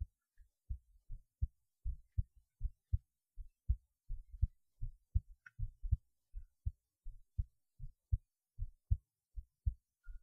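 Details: Adult heartbeat recorded while lying on the left side: soft low thumps in a steady paired rhythm, about 79 beats a minute.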